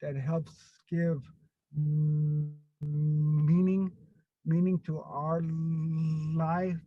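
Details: Stuttering in an adult man who grew up with a severe overt stutter, was later helped by a stuttering program, and still gets stuck on a word here and there.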